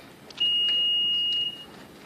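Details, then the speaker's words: Stryker S3 Med-Surg hospital bed demonstration: a single steady high-pitched tone lasting about a second, the bed exit alarm that sounds when the patient gets out of bed. "More importantly, if the patient goes to get out of bed, alarm goes off."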